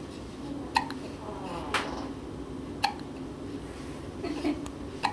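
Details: A child hiccups about four times in five seconds, each a short, sharp catch of breath, while kicking.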